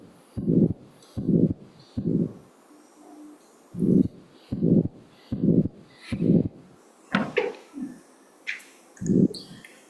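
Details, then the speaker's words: Arterial bruit: rhythmic whooshing with each pulse, about 75 a minute, heard by stethoscope as turbulent blood flow through a stenotic artery, in a teaching talk on fibromuscular dysplasia and SCAD; contrasted with crisp normal heart sounds. "and then here this is a sound of a brewery which is that sound of the blood flow going through that stenotic"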